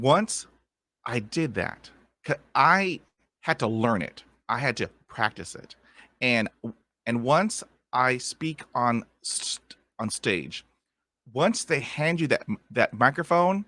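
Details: Adult male with lifelong stuttering since childhood, who attended a speech therapy program at about age five and uses techniques to manage blocks; stuttering.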